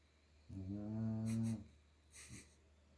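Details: 6-month-old chocolate Labrador puppy snoring while sleeping: one long, low, droning snore on breathing in, with a faint shorter snort after it.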